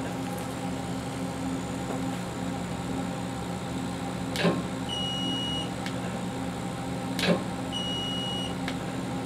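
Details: PENTAGON GRAND CO2 fractional skin-rejuvenation laser (RF metal tube, 20W/30W) running during a demonstration that mimics a real treatment: steady machine hum with two sharp clicks, each followed by a brief high beep.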